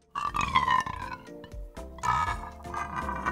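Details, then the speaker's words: Gurgling, squelching croaks as air and water are pushed through a removed pig's intestine, demonstrating a tummy rumble; bowel sounds (borborygmi). "noise is air and water being pushed through the gut past the remains of your food"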